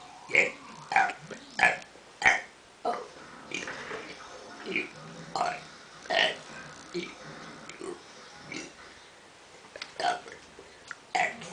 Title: burping kid